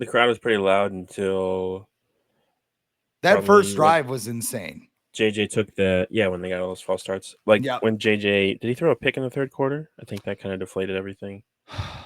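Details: Adult male speaker; normal voice.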